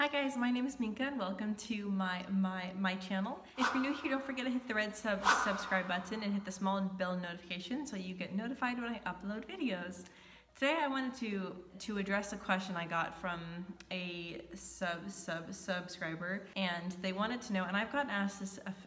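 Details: Woman who stutters, using no technique in everyday speech; learned passive airflow technique in speech therapy four or five years ago; stuttering.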